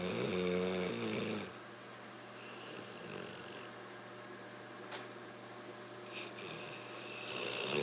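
Rough, snorting breaths with a faint whistling tone over steady room hiss: snoring from a sleeping dog.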